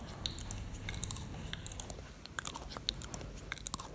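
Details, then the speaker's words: 10-year-old boy filmed asleep by his mother before a specialist visit: sharp rhythmic crunching and clicking tooth sounds, as if chewing, judged typical of sleep bruxism (teeth grinding). "ça ressemble tout à fait à du bruxisme c'est une activité musculaire rythmique dans les muscles qui bougent la les mâchoires qui aboutissent à des grincements de dents"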